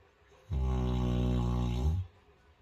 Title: Snoring Kong, knocked out